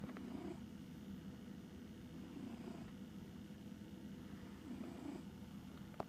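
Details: Cat snoring: low, steady rumbling breathing while asleep, rising faintly with each breath; gentle snoring.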